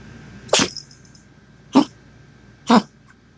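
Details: Dog gives three short, harsh, forceful coughs about a second apart, with faint room hum between; an abnormal cough.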